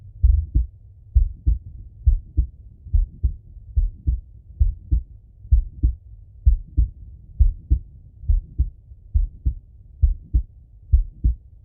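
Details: Male heartbeat and breathing auscultated through a stethoscope: steady paired low thumps at about 66 beats per minute with soft breath noise behind; normal heart sounds.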